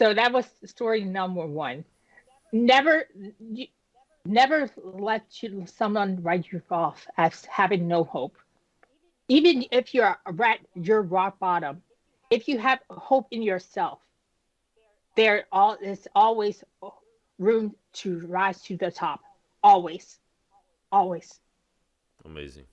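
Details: Woman who had a stroke at age 36 damaging about a third of her brain, including the speech center, initially leaving her unable to speak with right-side paralysis; she had aphasia and apraxia of speech after the stroke.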